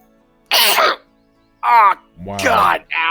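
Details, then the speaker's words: Adult gamer during a video-game playthrough gives a single sudden, hissing, explosive burst followed by brief voiced sounds, faint game music behind; a sneeze. "I'm so sorry what was that noise that was a sneeze"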